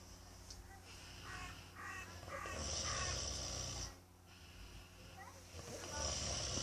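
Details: Person snoring very loudly: loud, rough, fluttering breathing noises in an irregular pattern, steady background hum; heavy snoring.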